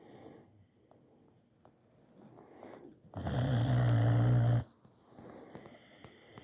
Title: Lazy Loaf Lazlo the snore hound